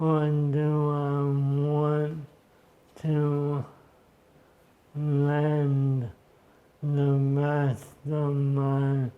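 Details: Man diagnosed with ALS in 2014, about 10 years since diagnosis, with the disease now severely affecting his speech and upper body movement; clinical trial participant; dysarthria due to ALS.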